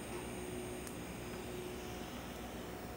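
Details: Tattoo removal test spot with a Q-switched 1064 nm laser held perpendicular to the skin: a faint sharp snap of a single laser pulse over the steady hiss of a Zimmer cold-air cooling hose.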